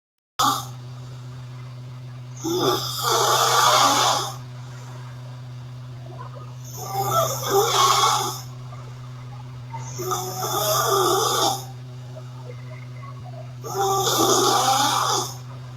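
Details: Sleeping girl snoring loudly: rough snore on each breath in, about 16 breaths a minute, over a steady low background hum.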